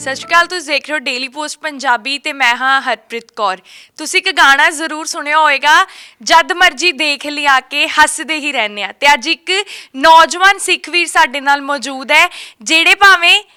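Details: Adult woman; Typical speech.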